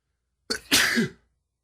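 A single sneeze: a short inward catch followed by a sharp, hissing burst of air.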